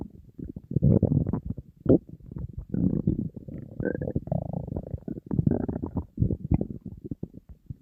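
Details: Person on a diet, very hungry, with an empty stomach: continuous low bubbling rumbles with short whining gurgles, ordinary hunger stomach growling (borborygmi).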